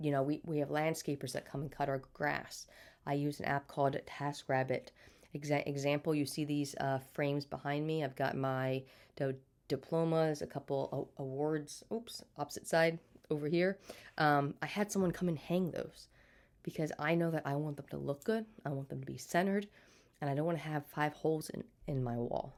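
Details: Stuttering in an adult woman who has stuttered since birth, had speech therapy throughout childhood, and still stutters day to day.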